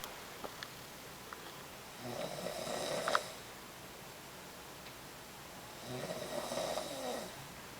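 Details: Snoring: two rattling snores about four seconds apart, near 15 breaths a minute, with quiet room noise between them.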